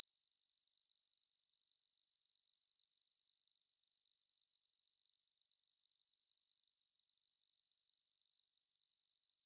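A steady, unbroken high-pitched tone throughout, a simulation of the ringing heard in tinnitus.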